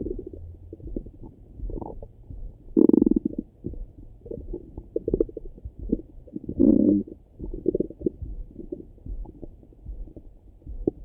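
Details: Own stomach rumbling in the morning heard through a stethoscope: gurgling, bubbling abdominal sounds with two louder rumbling runs, normal bowel sounds (borborygmi) of active digestion.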